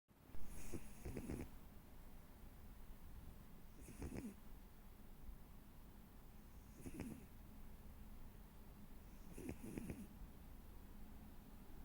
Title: Moggy snoring